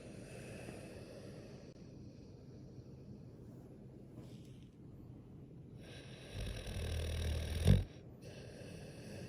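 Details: Snoring from Mr Toshi, a Boxer dog, sleeping.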